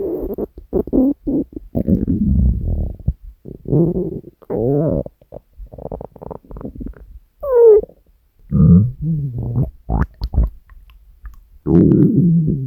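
Long low gurgling and rumbling growls, some rising into squeaky tones: hunger stomach growling, a normal bowel sound.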